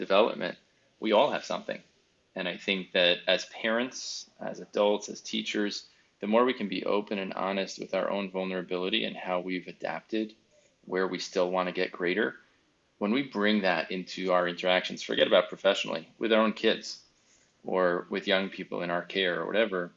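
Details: Adult male speaker; typical speech.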